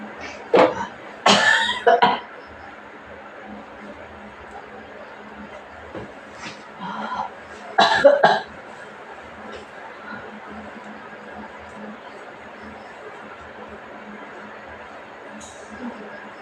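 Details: Two clusters of loud coughs with some throat clearing over low room noise, from someone ill with a cough and cold.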